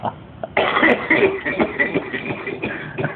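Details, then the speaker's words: Harsh, rattling run of repeated coughs and throat-clearing from a person with 55 years of smoking; chronic smoker's cough, which a friend once mistook for laughing. "probably the craziest cough I've ever heard really yeah funny 55 years of smoke give you cough too"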